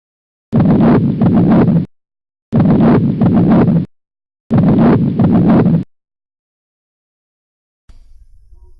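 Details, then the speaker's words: Duroziez rhythm of mitral stenosis on auscultation: low, rumbling heart sounds repeating in short bursts, described with diastolic rumble, presystolic reinforcement and an accentuated second sound. "Escucha atentamente a continuación el ritmo de Durossiez."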